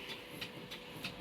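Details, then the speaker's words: Intra-aortic balloon pump, inserted through the groin, in a patient in their 40s after a heart attack and stent: regular, rapid hissing puffs over a steady mechanical hum, its pneumatic inflate-deflate cycling. "I needed a balloon pump to help my heart pump and beat a little bit easier."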